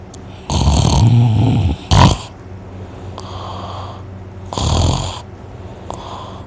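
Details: A very tired person asleep after a day of hunting, heavily snoring and left with a sore throat afterward: loud, rough, low rattling inspiratory snores with a short snort between, over steady room hum.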